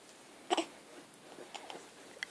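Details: Hiccups in a baby.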